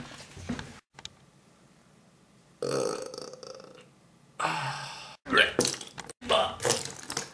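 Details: Person burping: about four rough, drawn-out gulping burps separated by short pauses in a quiet room.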